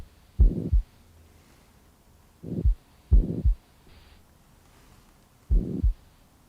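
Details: Chest auscultation of a male patient with the neck pulse palpated, sitting forward and then rolled onto his left side, with deep breaths and breath-holds: paired low heart thumps with a rough filling sound between them, a heart murmur.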